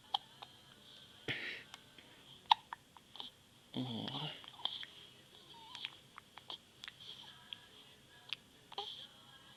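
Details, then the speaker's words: Baby filmed by his new dad, repeated soft, abrupt little catches at irregular intervals and one breathy sneeze-like burst, with faint room noise; hiccups. "Bless you. God bless you. Aw. Yeah."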